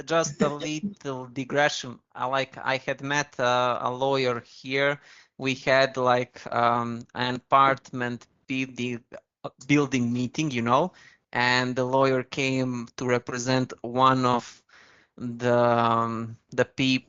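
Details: Stuttering (stammering) in an adult man.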